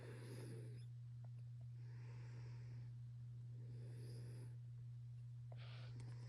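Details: Snoring from Bezmenov, a young Maine Coon cat born in Russia around mid-2021.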